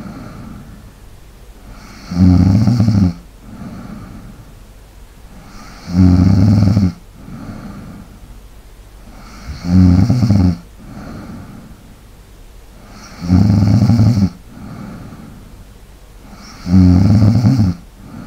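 Loud rattling snores on each in-breath, about 17 a minute, with quieter out-breaths between; steady habitual snoring.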